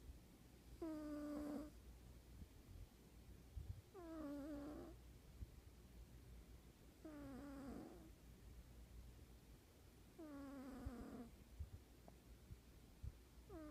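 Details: Cat snoring in sleep: quiet, whistling, slightly tonal snores with each breath, about every three seconds, over low background noise.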